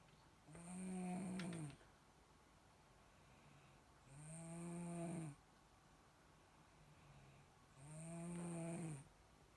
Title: Bristol snoring